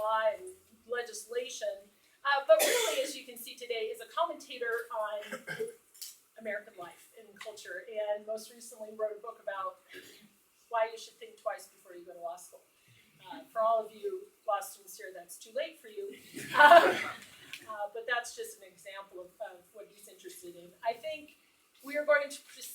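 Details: Adult speaker; Normal voice.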